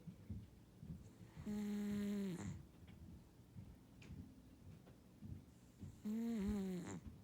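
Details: Male Ragdoll cat snoring while asleep: two drawn-out, tonal, whistling snores with soft breathing between them. The owner first mistook the sound for wheezing.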